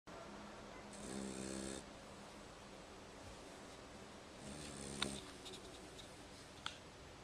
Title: Snoring Dog